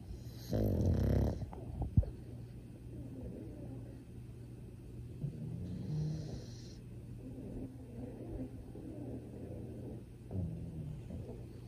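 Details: Pug, a flat-faced dog, snoring possibly with eyes open, unclear whether awake or asleep: one short rattling snore, then faint snuffling breaths and a softer snore in a quiet room.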